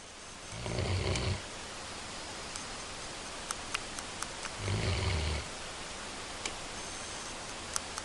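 Two low, rumbling inspiratory snores about four seconds apart over steady room hiss, roughly 15 breaths a minute; snoring.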